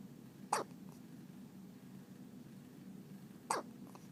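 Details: Two quick, sharp, soft hiccups about three seconds apart over quiet room noise; hiccups.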